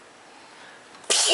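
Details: A single sharp, hissing sneeze from a baby who moved in to kiss the mother at Christmas, heard after quiet room noise.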